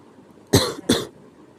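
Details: A sick person's cough: two short, harsh cough bursts in quick succession in a quiet room.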